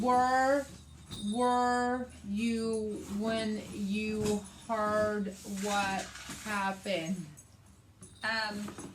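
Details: Adult woman with aphasia after a hemorrhagic stroke on May 19th 2020, with right-sided hemiparesis, brain surgery and an ICU stay; her aphasia also affects reading and writing.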